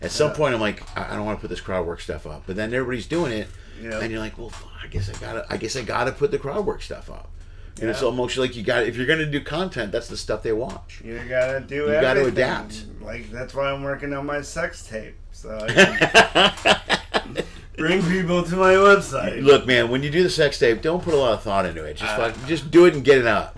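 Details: Adult male speaker; normal speech.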